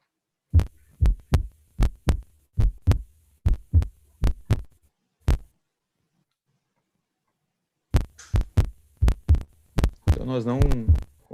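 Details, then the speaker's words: Simulated patient (teaching case) evaluated for syncope, with aortic stenosis considered: auscultation shows regular, rhythmic heart sounds at about 75/min with no murmur and no arrhythmia such as atrial fibrillation; normal heart sounds. "auscultar nenhum sopro, a bulha está rítmica, agora ela não tem arritmia"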